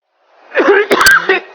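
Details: Acted scene: adult man with cough lasting 3 weeks, with bitter taste, suspected tuberculosis, gives a short voiced fit of about three harsh coughs in a small room.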